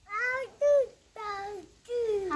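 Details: Young child; speech of a child with profound hearing loss.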